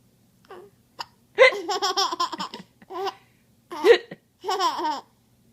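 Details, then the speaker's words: Giggling broken by short, abrupt gulping catches in a young child; hiccups mixed with laughter. "do you get to hiccups huh"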